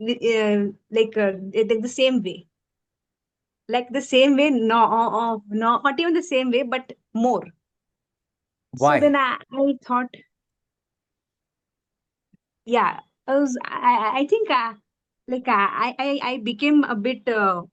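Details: Stuttering relapse in a woman who stammers after childhood speech therapy, with part-word and word repetitions.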